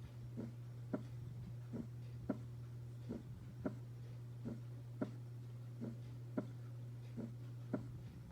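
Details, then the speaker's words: Normal first and second heart sounds: a slow, regular, crisp lub-dub at about 44 a minute, shown with ECG and aortic pressure curve. S1 coincides with the QRS complex and S2 with the end of the T wave. "miren Cómo coincide con el qrs el primer ruido y el final de la onda t con el segundo"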